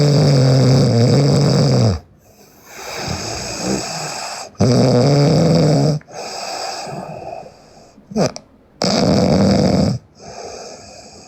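Loud, rough snoring on the breath in, with quieter breaths out, about 15 breaths a minute.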